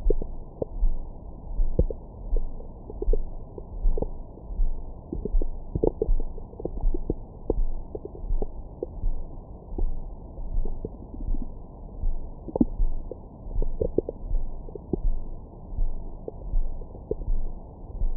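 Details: Stomach growling recorded over the belly with a Stemoscope stethoscope microphone after a large meal: low muffled rumbling with scattered gurgles and short squeaks; active bowel sounds.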